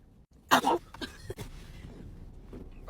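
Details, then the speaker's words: Prank sneeze: one loud, explosive sneeze-like burst, then quieter rustling and room noise; the sneezer apologizes, needs a tissue. "I'm so sorry. I got to sneeze. I need a tissue."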